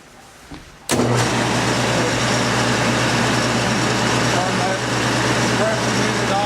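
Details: Quiet room, then abrupt loud steady mechanical hum and hiss as the air compressor of a portable oxygen generator producing medical-grade oxygen starts during a training demonstration; compressor starting.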